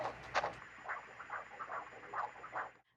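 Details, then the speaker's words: Fetal heartbeat on Doppler during a pregnancy ultrasound visit: rapid, regular whooshing pulses at 157 beats a minute, stated as very good; normal fetal heartbeat. "so that little heartbeat is 157 very good"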